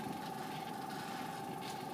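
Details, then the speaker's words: Steady suction machine hiss and hum during a nasopharyngeal suctioning demonstration: catheter passed down without suction, withdrawn rotating with suction on, then cleared; head of bed raised to 30 degrees, patient on oxygen. "So down, coming back up, rotate, suction, and clear."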